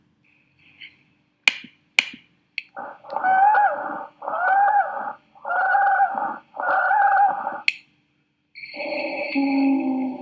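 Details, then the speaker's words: Teaching example of lung auscultation: four long musical whistling breath sounds, fine wheezes then coarse wheezes, from narrowed bronchi or bronchioles in bronchospasm. "Chicos, es las cibilancias cuando tenemos una disminución de el bronquio."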